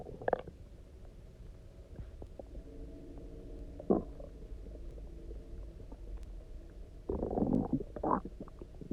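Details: Soft low rumbling with a few sharper gurgles and a longer burst near the end, after about 24 hours of near fasting, then drinking water and lying on one side: stomach growling from hunger.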